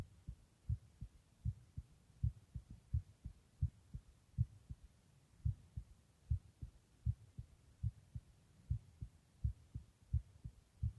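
Steady paired heartbeat thumps at about 75 to 80 beats a minute, a normal resting heartbeat.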